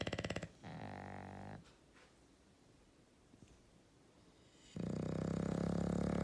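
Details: Loud, rasping, buzzing snores separated by a quiet pause, each breath vibrating quickly; heavy snoring.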